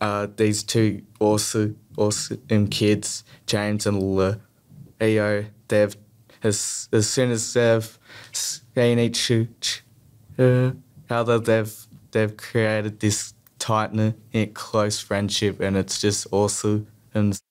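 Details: Stuttering in an adult male, present since childhood and persisting, with repetitions, prolongations and blocks.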